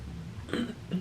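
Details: Woman who lost her voice for a couple of days, with her voice still going in and out and raspy; she expects to need to clear her throat. Throat clearing.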